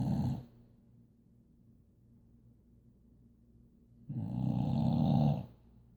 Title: Boxer baby sleeping on her couch #snoring